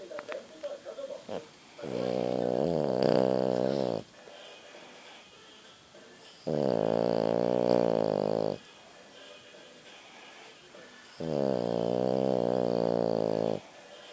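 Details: French bulldog snoring: loud, rattling, droning snores on each of three in-breaths, about 13 breaths a minute, with quiet gaps between.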